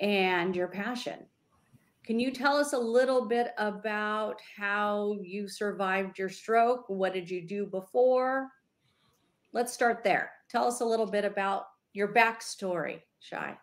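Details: Adult woman speaking; normal fluent speech.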